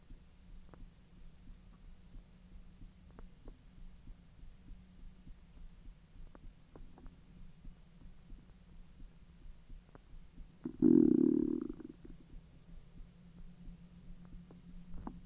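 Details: Bowel sounds (borborygmi) after eating hotdogs following a 10-hour empty stomach: steady low hum with faint scattered clicks, then one loud gurgling rumble about a second long; normal digestion.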